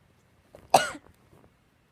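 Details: Person who says they are still sick: a single short, harsh burst of air heard as one cough; ear popping follows.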